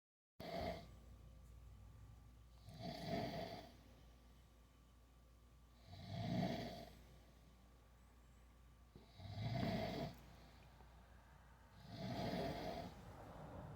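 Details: Adult man (a father) snoring in sleep: five steady, low snores about three seconds apart, near 19 a minute, with quiet pauses between.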